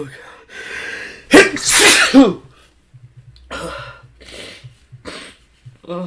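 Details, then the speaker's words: Man's loud, forceful sneeze with sharp inhaled build-up after repeated hitches, followed by gasping breaths and a voiced sigh; he says his sneezes have lately grown bigger and more powerful and he feels a whole-body tickle. "oh god i don't know why but lately my sneezes have gotten just bigger more powerful i can't i can't stop oh lord it tickles"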